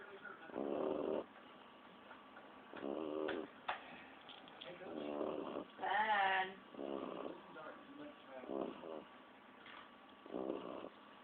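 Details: 16-week-old Staffordshire Bull Terrier puppy snoring while asleep: soft, buzzy snorts every couple of seconds, one rising to a brief squeaky whine, over faint room hiss.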